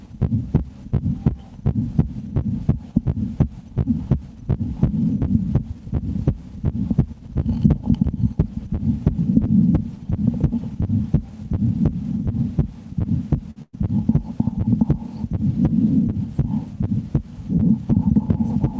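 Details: Two adult women take turns listening with a stethoscope to share their heartbeats: a steady, regular heartbeat at about 80 a minute with a low background hum, a normal heartbeat.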